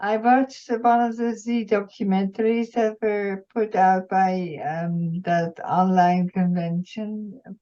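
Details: Woman, retired nurse, with multiple system atrophy, mainly parkinsonian type with some cerebellar features; speech symptoms began about two years earlier; reports some days with no voice at all; dysarthria (multiple system atrophy).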